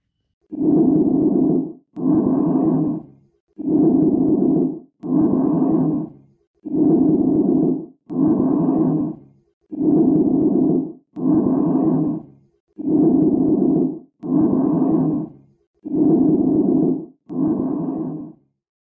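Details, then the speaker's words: Bronchial breath sounds: loud, harsh, high-pitched breathing with inspiration about equal to expiration and a clear pause between them; normal over the trachea, abnormal over lung fields in cavity, consolidation, open pneumothorax, or above an effusion. "it is normally heard over trachea and abnormally present over lung fields in case of cavity consolidation open pneumothorax and above the level of effusion"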